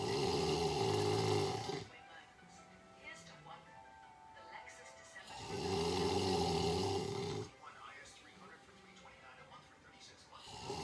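Two loud, rough snores about five seconds apart, with quiet breathing between; faint music or TV in the background. Ordinary snoring.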